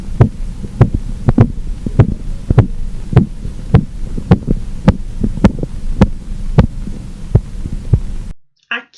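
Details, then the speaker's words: Korotkoff sounds over the brachial artery during manual blood pressure measurement with stethoscope and sphygmomanometer as the cuff deflates: regular tapping about 103 per minute, louder in phase 1, disappearing in the final phase. "vocês conseguiram perceber como o som é mais incisivo ele é mais forte que você identifica com uma pressão máxima que é a fase 1 e essa última fase você percebeu que os sons desapareceram completamente"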